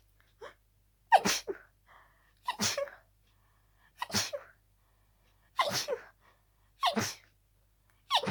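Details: Person with a cold, sore from a tiring fit: six harsh, explosive sneezes in quick succession, each preceded by a short sharp in-breath; sneezing fit.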